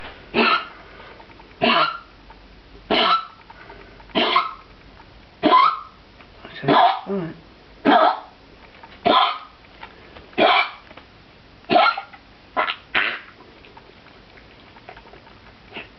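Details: Dog with kennel cough: about a dozen harsh, honking coughs in a steady run.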